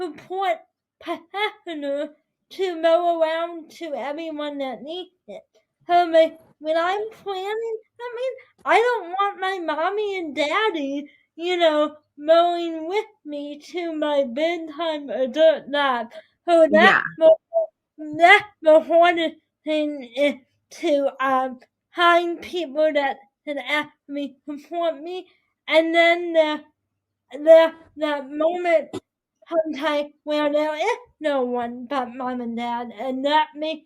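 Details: Dysarthria in a 22-year-old woman with spastic quadriplegic cerebral palsy affecting her whole body, including her speech; her right side is impaired, she uses a walker or wheelchair and needs help with daily tasks.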